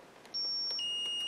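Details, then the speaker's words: NICU defibrillator training demo on an R Series unit, synchronized cardioversion at 3 joules, synced to the R wave; high electronic tones rise in steps as it charges before the shock; defibrillator charging tone. "I'm at the right joules and as indicated here I can see that I'm on the right wave form the R wave so now I'm going to charge"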